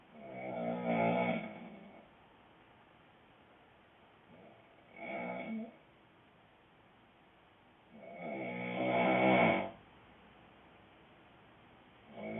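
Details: Adult man (boyfriend) snoring loudly: rough, rattling snores on each breath, roughly every four seconds (about 15 breaths a minute), quiet pauses between; heavy snoring.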